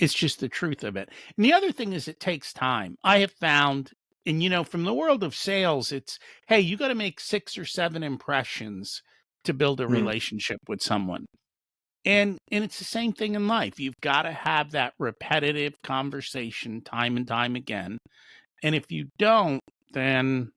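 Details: Adult man speaking; typical speech.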